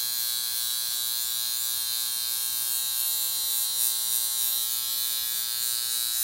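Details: A 10-amp, two-prong high-frequency skin device with an argon/neon glass electrode, used indirectly over gauze on the face in circular motions: a continuous, high-pitched electrical buzz.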